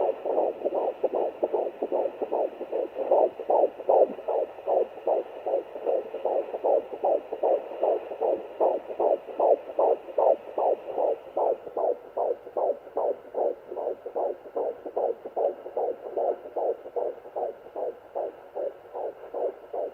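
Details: Fetal heartbeat on a Sonoline fetal Doppler at 14+4 weeks of pregnancy, first home use: rapid, regular whooshing pulses at about 154 a minute.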